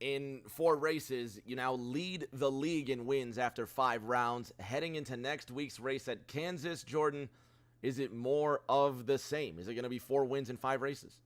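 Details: Adult male speaker; Normal speech.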